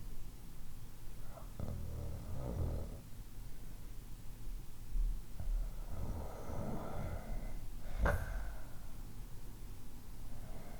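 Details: Low, rough snorting breaths with a louder snort near the end over faint background noise, irregular, from a sound library of different snoring types; snoring.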